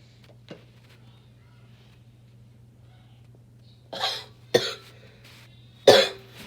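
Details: Three harsh, abrupt, barking coughs from an adult smoker after a quiet stretch; the cough comes while smoking.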